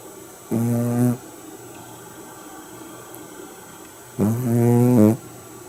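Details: Shih Tzu dog snoring loudly while asleep: snoring.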